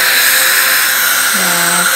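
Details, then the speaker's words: Dental air-water spray during a child's six-month dental cleaning: loud steady hiss with a brief voice near the end. "Here comes the sprays."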